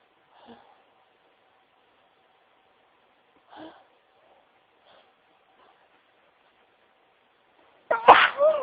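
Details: Sneezing into tissues: soft, muffled sneezes caught in a tissue, then one sharp, loud sneeze at the end that escaped uncovered.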